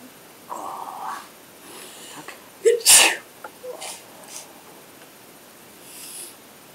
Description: me and my Girlfriend sneezing again, and blowing the Nose